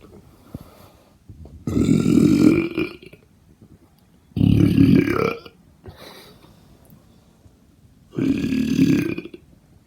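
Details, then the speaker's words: Three loud, drawn-out voluntary burps, each lasting about a second, with quiet gaps between them. "anyway I'm gonna do some more burps so yeah"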